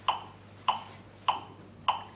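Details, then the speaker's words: LifePak 15 defibrillator in semi-automated mode after no shock advised: steady clicking metronome tones at about 100 a minute pacing chest compressions on a simulator, with ventilation prompts. "So, it tells you, it has a metronome, and that's for when you're doing compressions, and it will tell you when to ventilate the"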